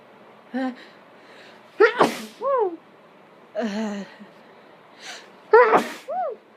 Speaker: so um I am sniffing pepper while trying to uh do some sneezes that one was kind of messy